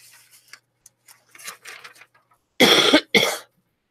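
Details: Adult woman with a cold and runny nose, on her first day feeling better after nine days ill; two loud, harsh coughs after quiet rustling.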